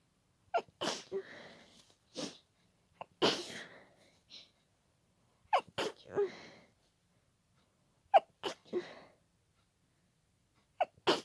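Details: Person stifling a sneezing fit at night to avoid waking a roommate: repeated sharp, suppressed sneezes in quick pairs, each followed by a breathy exhale.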